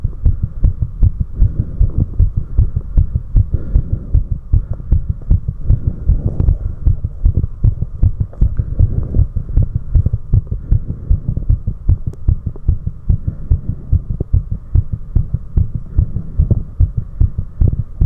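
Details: Adult's own heart sounds recorded right after 4 minutes of step-ups exercise: rapid, strong, regular, pounding heart thumps; fast heartbeat after exertion.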